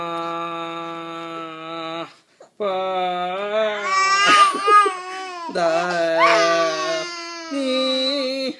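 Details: Baby crying in sustained, clear, tonal long wails with a brief pause for breath; normal vigorous infant cry.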